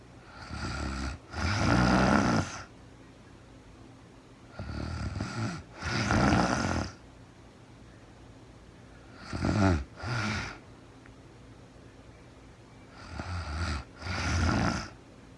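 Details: Woman snoring in real-time sleep: loud rattling snores on each breath, in and out, about 14 breaths a minute, with quiet pauses between; ordinary snoring during sleep.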